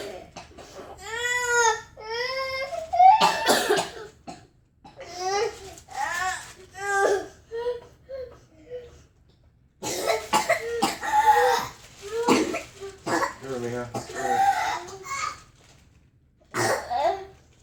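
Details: Young child with whooping cough (pertussis) at night trying to sleep: crying between clusters of harsh coughs, parent urging breathing and spitting up; coughing fit.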